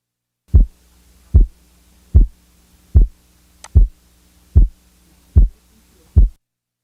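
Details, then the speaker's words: Regular teaching-example heartbeat at about 75 a minute with a physiologic split second heart sound, 25 ms splitting interval, heard best at the left base with the diaphragm chest piece. "the physiologic Split Second is heard best at base left with the diaphragm chest piece the following example represents a second sound splitting interval of 25 milliseconds"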